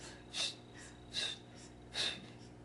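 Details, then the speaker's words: Amputee testing a suction prosthetic socket with liner and sleeve; the valve is removed before stepping. Three short hissing puffs of air, one with each step, as air escapes through the open socket valve. "that's the air this little valve here allows um so you won't hear that with every step but you're in so you put that valve back in there"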